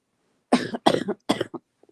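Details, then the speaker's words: Three harsh, barking coughs in quick succession; a croupy cough in a person ill about a week after a sore throat, taking over-the-counter Robitussin. "Yeah, Gemma, it's a nasty one too. It's one of those croupy coughs, that. Ugh. But that's how it's been since I started coughing. It was a croupy cough."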